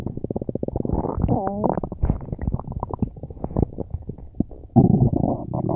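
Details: Loud, continuous gurgling and rumbling with rapid bubbling pops and a brief squeal from the belly; very active bowel sounds (borborygmi).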